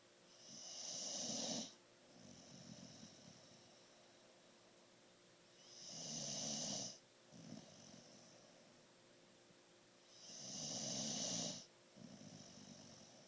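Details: Sleeping dog: three hissing, whistling snores about 4 to 5 seconds apart, each followed by a softer breath out; snoring.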